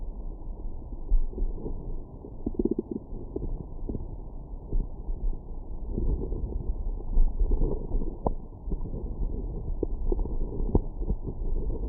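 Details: Stomach growling after breakfast: continuous low muffled rumbling with scattered gurgles and faint squeaks over steady noise; normal borborygmi after a meal.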